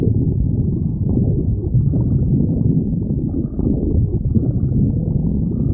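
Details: Hunger stomach growling: continuous loud low rumbling and gurgling from the belly; borborygmi.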